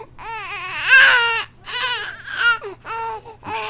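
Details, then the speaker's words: Young baby crying in three or four rising and falling wails separated by short breaths. "de uma criança de um bebezinho cá para nós né esse choro é encantador Na verdade ele é desconfortável também para os papais as mamães que são cansados"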